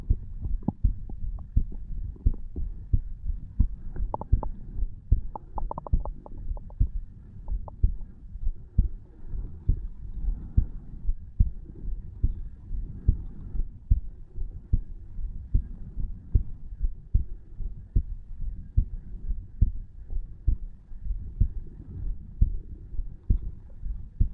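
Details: Own heartbeat of a 34-year-old man at rest, lying in bed at night, recorded over the tricuspid valve: steady, regular thumps at about 60–70 beats a minute, normal heart sounds.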